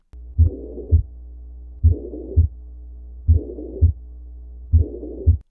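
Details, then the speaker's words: Slowed heart-sound recording: a humming murmur fills the gap between S1 and S2, so it is systolic. The options considered were aortic or pulmonary stenosis or mitral or tricuspid regurgitation; here it is mitral regurgitation. "arada ise bir uğultu sesi geliyor bundan ne anlarız biz sistolü nce e1vs iki arasında olduğunu biliyoruz O zaman bu bir sistolik üfürüm"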